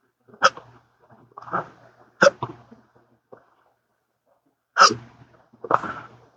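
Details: Sharp, abrupt voiced hiccups at irregular intervals, about six in six seconds. The person has had daily hiccup episodes lasting up to 12 hours, with occasional burps, since a 2015 surgery causing nerve damage; episodes are unresponsive to treatments.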